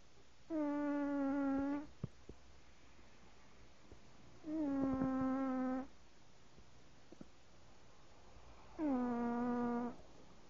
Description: My boy cat, Rigel, passed out snoring. He does it every time.